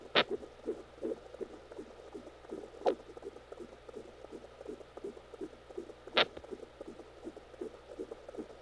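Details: Home fetal Doppler recording during labor in a twin pregnancy (twin girls): three sharp, isolated thumps over Doppler hum and soft rapid pulsing; fetal hiccups.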